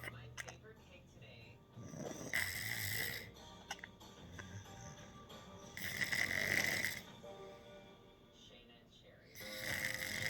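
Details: Loud, harsh rasping snores on the in-breath, three across about ten seconds, with faint background music; loud snoring.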